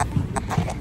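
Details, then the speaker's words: Fetal heartbeat on a hospital fetal monitor while the mother awaits a cervix check before an emergency C-section: rhythmic whooshing thumps at roughly 145 beats a minute. "Naririnig niyo ba? Yun yung heartbeat ni baby."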